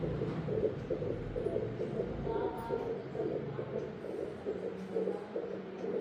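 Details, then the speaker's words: Normal fetal heartbeat at eight months of pregnancy, recorded with a fetal Doppler and gel: rapid, rhythmic whooshing pulses at 117–124 beats a minute. "तो बच्चे की धड़कन है 117 से लेकर के 124 तो ये नॉर्मल है।"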